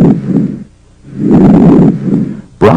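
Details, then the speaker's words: Bronchial breath sounds in a lung auscultation tutorial: loud, harsh, higher-pitched than vesicular, short inspiration, silent gap, then longer expiration; normally sometimes heard over the manubrium. "breath sounds are louder and higher in pitch than vesicular sounds the expiratory sound lasts longer than the inspiratory sound and a silent gap separates these two sounds"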